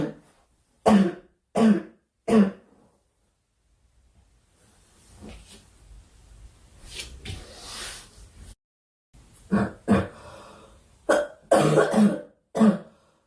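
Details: A girl, who says she is sick and wants the coughing to stop, gives about ten short, sharp coughs in bursts, with quieter breathing and rustling between; repeated cough.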